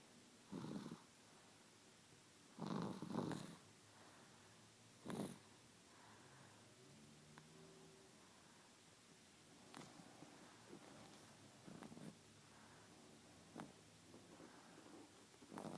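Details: Light snoring while sick and congested: quiet, irregular rumbling breaths with a few louder snorting bursts in a small room.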